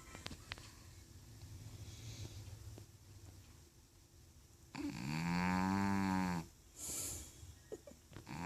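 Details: 14-year-old female cat, Maggie, who started snoring in old age: quiet low breathing rumble, then one loud, drawn-out, buzzing tonal snore of about two seconds and a brief noisy exhale.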